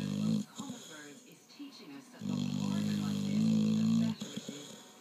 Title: Snoring dog